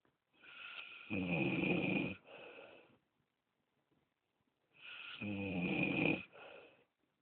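Two snores in a quiet room, each a harsh, rattling breath followed by a softer breath out, roughly eight or nine breaths a minute.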